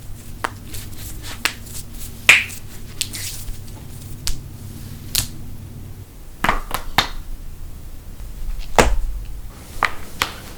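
Several sharp pops and clicks over low room hum, consistent with joint cracking from gas release in the joint, a harmless finding.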